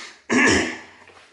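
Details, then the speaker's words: Deliberate, simulated throat clearing demonstrated as part of faking a cough: a single short, rough throat-clearing sound made with the mouth kept closed, gentler than a cough. "step number three clear your throat every once in a while to clear your throat it's like you're coughing but not as aive aggressively and you're keeping your mouth shut"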